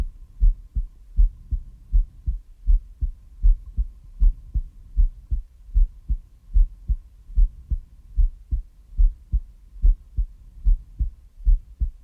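Steady, regular low thumps of a heartbeat at about 76 beats a minute, with a faint background hum.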